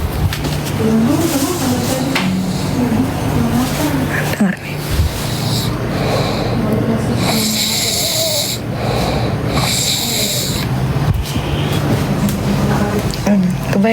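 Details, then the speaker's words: Loud, rough, rattling snores with a snort from a sleeping husband, heard nightly by his wife, under her whispered talk: ordinary heavy snoring during sleep. "Temenin suami ngorok. Kau dengar suara ngorok suamiku."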